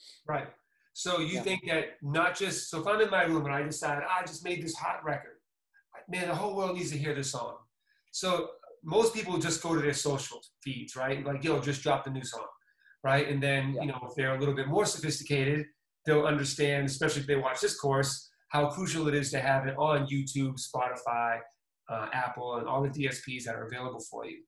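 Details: Adult male speaker; normal speech.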